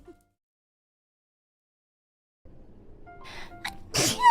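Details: Streamer's genuine sneeze, not held in: a quiet stretch with faint background music, then a single loud, forceful sneeze at the end.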